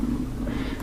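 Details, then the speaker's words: Woman's stomach growling from hunger during a tarot reading: a brief, low, steady rumbling gurgle; borborygmi. "sorry, my stomach. Okay. My tummy is growling. Sorry if you can hear that."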